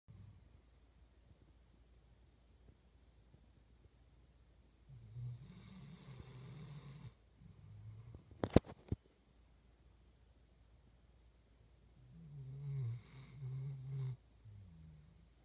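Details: A sleeping dog in a quiet room: low rumbling snores on slow breaths, a few seconds each, with a brief clatter. Dog snoring.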